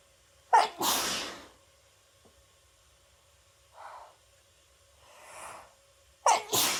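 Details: Cold sneezes set off with chhinkni after holding back sneezes at work all day: two sharp sneezes, each with a quick intake and burst, separated by sniffing and breaths.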